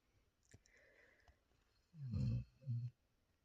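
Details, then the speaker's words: Tired animal sleeping after a day at the lake, after a few faint clicks in a quiet room: two deep, rumbling, low-pitched, loud snores. "Et puis, bien sûr, elle est fatiguée, alors elle est en train de ronfler, mais comme je sais pas quoi."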